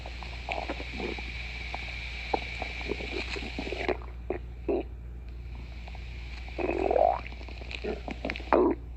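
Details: Irregular stomach gurgles and clicks over a low steady hum, with two louder rising gurgling growls late on; ordinary stomach growling (borborygmi).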